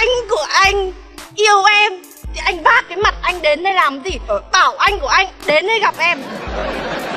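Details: Adult woman, acted comedy skit; normal speech.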